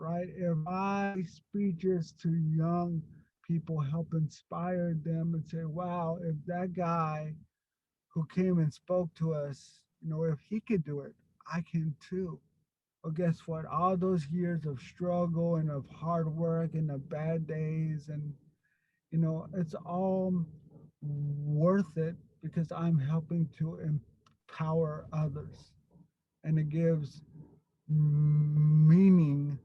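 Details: Stuttering in an adult man who grew up with a severe overt stutter and still gets stuck on a word here and there.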